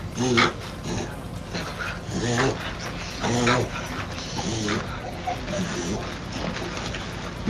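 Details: Reverse sneeze.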